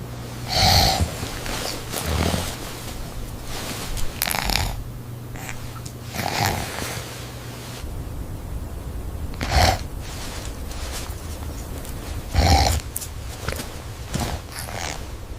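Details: Sleeping adult man (dad) in bed at night, night-vision footage; repeated loud, rattling snores every two to three seconds with noisy breathing between, about six in fifteen seconds; keeps snoring despite a Chihuahua landing on his chest.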